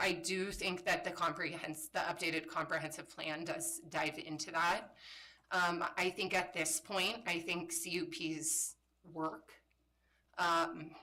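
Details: Adult woman with spasmodic dysphonia, a voice disorder she describes as a brain disorder that kicks in intermittently and likens to RFK's condition; spasmodic dysphonia.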